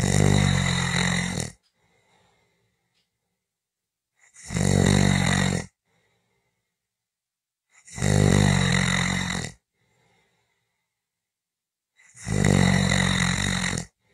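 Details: Snoring audio recording: four loud, rumbling inspiratory snores about one every four seconds (roughly 15 breaths a minute), with silent pauses between. Snoring.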